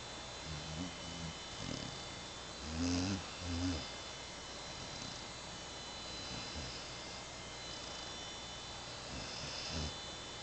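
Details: Bloodhound napping: soft, low rumbling snores with fluttery breaths over steady background hiss; ordinary sleep snoring.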